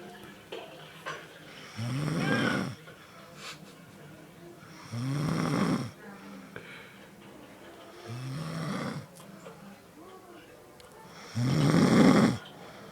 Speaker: See, you do snore.